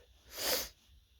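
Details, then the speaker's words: Man having a series of sneezes with nose tickling beforehand: a single sharp, hissing burst of air under a second; ordinary sneeze. "I love that feeling. It's yeah, when it just kind of builds, builds a builds up on you. Oh, it feels so good. I feel it. Another one comes."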